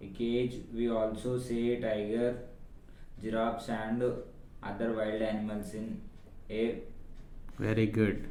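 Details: Adult patient reading a passage, likely pre-therapy assessment; voice thin and high before, harsh and excessively low-pitched after thyroplasty/vocal fold surgery, with slight swallowing difficulty; later improved after 20 therapy sessions; dysphonia with abnormally low pitch.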